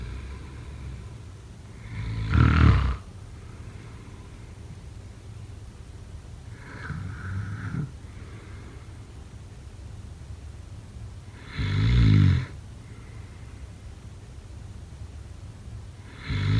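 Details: A sleeper gives loud, rough, snorting snores roughly every five seconds, about 12 breaths a minute, with quieter breathing between; snoring during sleep.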